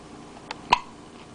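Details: Hiccups: a single sharp, voiced 'hic' after a faint catch, in a quiet room.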